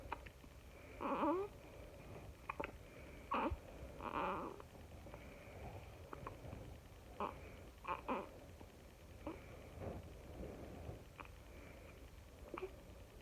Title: Newborn having hiccups